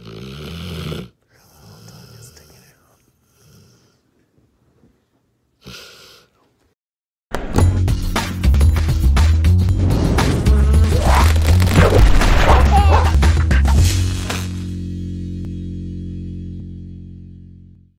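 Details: A sleeping female puppy snoring very loudly: a deep, rattling snore with a stretch of fast fluttering, partly masked by added music and sound effects.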